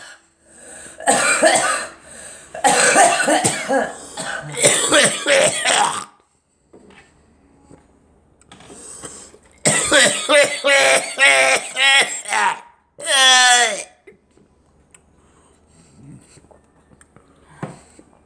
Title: Me and girl coughing